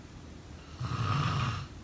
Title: Snoring sound …